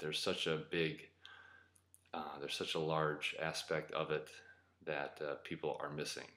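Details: Adult man who describes himself as a person who stutters: stuttering.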